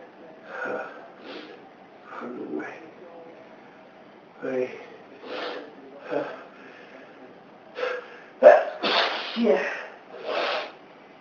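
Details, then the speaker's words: Man with dust allergy, set off by dust from his girlfriend's cleaning, sneezing badly: a run of sharp sneezes with quick breaths between them, several in a row. "Makes me sneeze. Yeah. Yeah. Sometimes, really badly."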